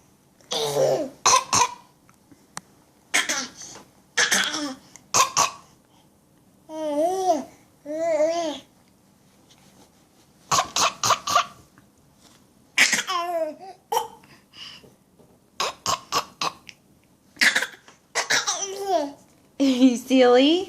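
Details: A young child makes short, deliberate fake cough-like bursts mixed with babbling and playful vocal sounds: voluntary cough.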